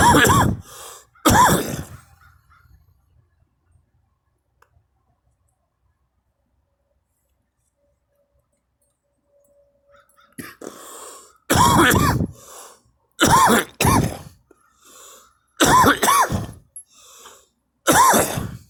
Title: me coughing